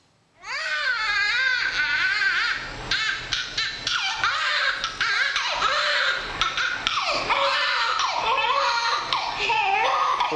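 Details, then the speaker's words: Loud, rhythmic wailing cry with rising and falling pitch from a two-minute-old newborn girl under a hospital warmer as the nurse begins cleaning her; vigorous normal newborn cry, quieting at the father's voice. "And the nurse is about to clean her up, and she starts to cry. I want you to notice what happens when she hears my voice."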